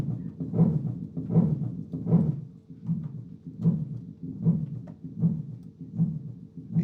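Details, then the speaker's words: Pericarditis: regular heartbeat about 78 per minute with a scratchy pericardial friction rub heard continuously through systole and diastole. "hear how it's all the time? It's continuous incistally and diastily. It's in both. That's paricarditis."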